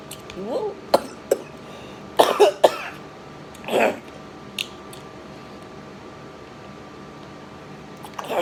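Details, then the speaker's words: Several sharp coughs and throat clearing with a sputtering breath, triggered by very spicy food going down the throat (not the salt), over a faint steady background hum. "That was spicy. Going down my throat. It wasn't necessarily coughing from the salt. It just was too spicy."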